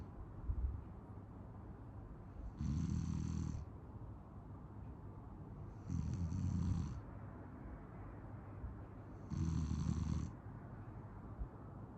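Three low rumbling snores about every three and a half seconds, roughly 17 breaths a minute, over steady room hiss; snoring during sleep.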